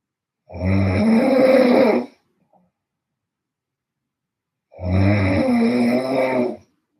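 Two long, loud, rough snores about four seconds apart with silence between; heavy snoring.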